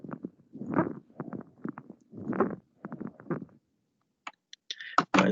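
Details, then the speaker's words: Lung auscultation teaching example: breath sounds with scattered crackling clicks, then a brief, high-pitched squeaky musical note during a breath: a squawk, characteristic of pneumonias, especially severe ones. "y el graznido en el graznido nosotros lo podemos escuchar eso es muy característico en las neumonías y principalmente las neumonías graves"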